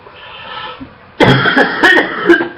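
After a quiet lead-in, loud harsh coughs with a rough, phlegmy edge; a barking, wet cough.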